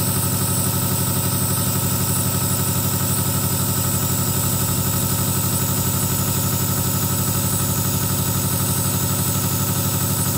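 Steady, loud mechanical hum with a rapid regular buzz of a running nebulizer compressor.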